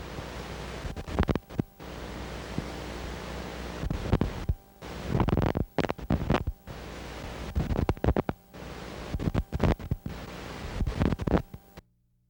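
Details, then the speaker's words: Needle EMG teaching example: brief crackling bursts with each needle movement that stop promptly between movements, showing normal insertion activity. "Watch and listen to normal insertion activity."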